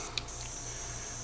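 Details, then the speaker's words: A portable ultrasonic nebulizer running in full spray mode with cool air and no face mask attached; a steady soft hiss with a low hum. "there is full spray. That's pretty stinking neat."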